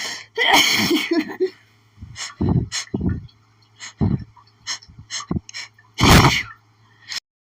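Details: Desperate, itchy sneezing fit attributed to pollen, strong enough to leave the person doubling over: a run of sharp sneezes with quick gasping inhalations between them; sneezing.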